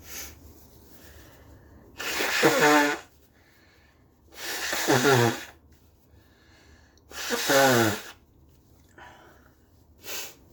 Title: Huge double sneeze and a snotty blow 🤧